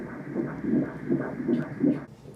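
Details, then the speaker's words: Fetal heartbeat on obstetric ultrasound, healthy baby boy weighing about one pound two ounces: rapid, regular whooshing pulses about 149 beats a minute, a normal fetal heart rate. "[KALEY ZEGT TEGEN ANDIE] HOOR JE DAT? WAT IS DAT? HET IS JE BROERTJE!"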